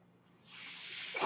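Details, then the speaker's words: Soft airy hiss building and swelling over about a second: a home mechanical ventilator delivering a breath, the podcast speaker's own ventilator, heard during speech. "my name is that noise you're he's my ventilator thank you so much for joining in the beige Turner's they were not"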